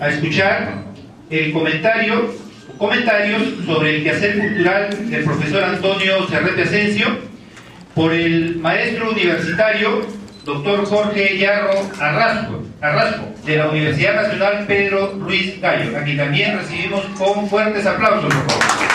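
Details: Adult speaker; Normal speech.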